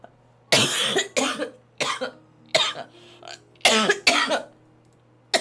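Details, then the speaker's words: Girl coughing with her whole body, feels like there may be blood: a run of about six sharp, harsh coughs in quick succession with brief gaps; a coughing bout. "이렇게 기침하다가 이거 여기 이렇게 내가 여기 보면은 막 피 피 있을 거 같아 그 약간 온몸을 다해서 기침을 하는 느낌이야"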